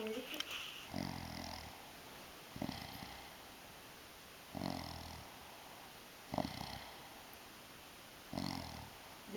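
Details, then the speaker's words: Snoring from an adult woman sleeping on her back: loud, rough snores about every two seconds with a snorting, rattling inhalation. "ya está los ronquidos de la chunga primera parte"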